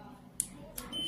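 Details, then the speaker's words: Brief high beep over faint room noise from a cordless gutta-percha endodontic obturation pen (dental), signalling the device is ready for use. "creating button time our machine is ready to work"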